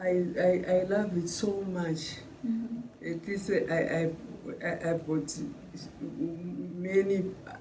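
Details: Brain injury survivor with aphasia, speaking about group therapy; aphasia.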